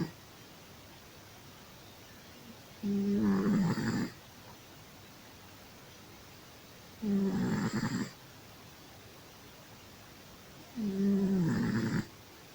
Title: Nouky the snoring cat